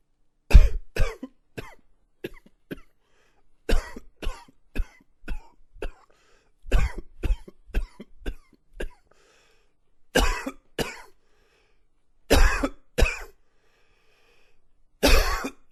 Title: Coughing 21